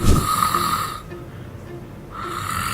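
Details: Low rattling snores on inhaling, separated by a quieter pause, with a steady tone and faint background music; snoring, discussed in relation to sleep apnea.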